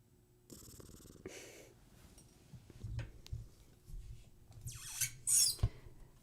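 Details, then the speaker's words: Soft, low rumbling snores from a small pet, with rustling and handling noises over a quiet room background. "He's snoring. I want you guys to hear it."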